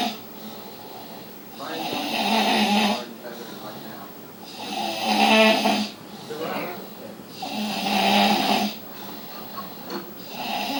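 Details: Loud, rough snores on each breath in, about 20 breaths a minute, with quieter breathing out between; heavy snoring.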